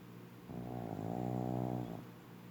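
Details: One long, loud rattling snore on breathing in, lasting about a second and a half; very loud snoring from a female pug.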